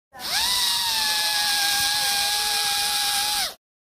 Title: Best Sound Effects Dental Drill 01